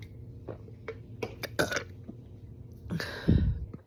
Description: Big hiccups and wet liquidy burps.